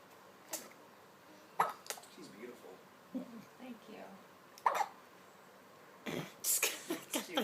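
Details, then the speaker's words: Young granddaughter with short, sharp hiccup bursts about three seconds apart, plus soft baby sounds; she also lip-smacks and burps, which is described as new: hiccups. "hiccup's so bad and then she smacks her mouth i can never ever prevent her she'll burp she burns i've never seen a child do that before"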